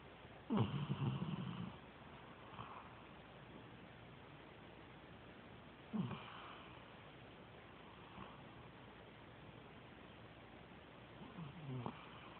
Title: Snoring